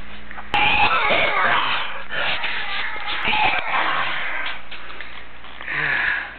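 A few forced, deliberate coughs with harsh, wheezy breathing between them over a noisy room background.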